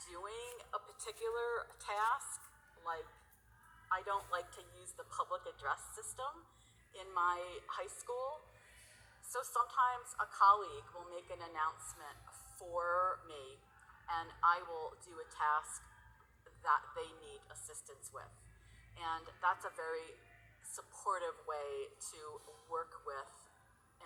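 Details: Stuttering in an adult woman who works at a high school; she says her stuttering varies from day to day.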